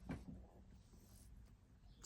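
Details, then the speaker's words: Adult woman, speaking while recording: stomach rumbling (borborygmi), a brief low gurgling growl, then a faint rumble; ordinary gut movement. "I don't know if you can hear my stomach rumbling I'm not at BT"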